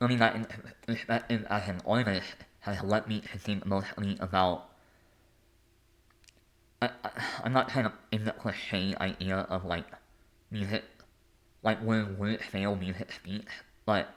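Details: Adult male artist and conductor with a lifelong speech impediment; speech impediment.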